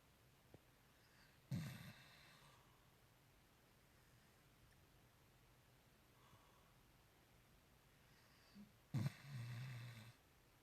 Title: Shepherd Cur Dog Snoring